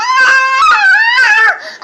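A brief, loud, high-pitched wailing cry from an infant, an ordinary crying sound.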